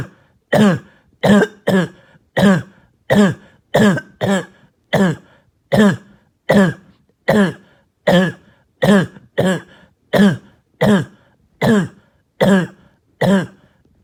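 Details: Child's barking, hacking cough during an exhausting night of coughing: about nineteen harsh, hoarse, croupy barking coughs in a steady run over fourteen seconds, some in quick pairs.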